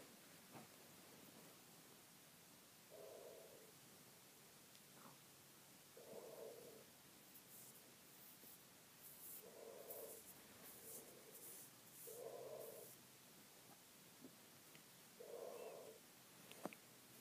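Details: Sleeping cat snoring: soft, short nasal snores repeating about every three seconds, around 20 breaths a minute, over faint room noise.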